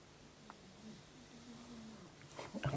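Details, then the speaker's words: A soft, low, drawn-out snoring breath from a sleeping dog in a quiet room, followed by light clattering. "if you can hear Stella snoring she's obviously not impressed with um crazy Patchwork stitching"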